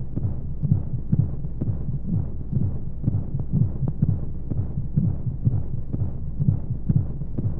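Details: Womb-sound sleep aid for babies: muffled steady low thumps at roughly 125 a minute under a soft whooshing hum and white noise; heartbeat as heard inside the womb.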